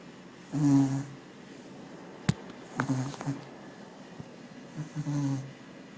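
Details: Snoring during sleep: low, rumbling snores on inhalation, with soft snorts between them in a quiet room.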